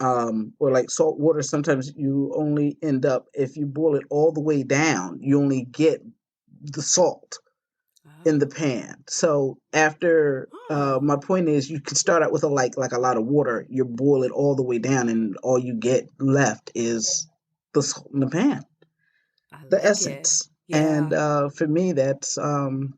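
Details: Stroke survivor with post-stroke aphasia; aphasia.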